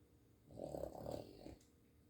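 A single rough, fluttering breath noise about a second long, typical of a small flat-faced dog snoring.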